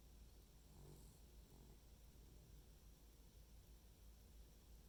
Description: My 'dorkie' snores adorably.